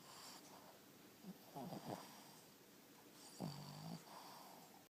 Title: Penny Boston Terrier Snoring